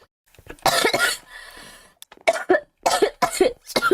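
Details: Girl coughing, who says she is coughing a lot and has a headache: several sharp, harsh coughs in quick bursts with a brief strained breathy sound between them; repeated coughing.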